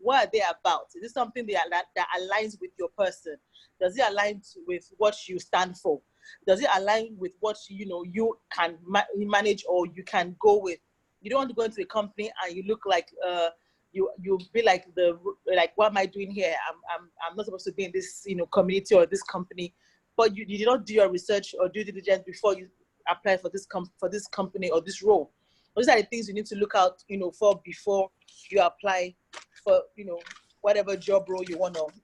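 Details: Adult man, 29, with an aggressive stammer since age 3–5 who uses controlled speech and a breathing technique and still has difficulty saying his name; stuttering.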